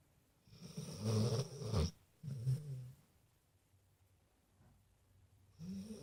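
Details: Pet snoring while asleep: low, rough, rumbling breath noises with quiet pauses between them.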